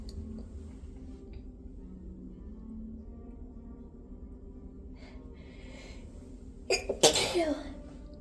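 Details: Quiet breathing with a few catching breaths, then a loud explosive sneeze trailing off: a deliberately induced hitching sneeze.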